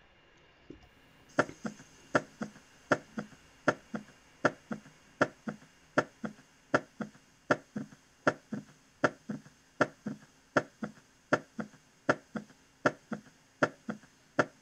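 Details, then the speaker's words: Teaching recording of an S3 (ventricular) gallop: regular heartbeat near 80 a minute with a soft extra third sound just after S2, heard as "ta ta-ta". "fíjense cómo suena justo después de lejos del ruido accesorio suena ta ta ta ta ta ta"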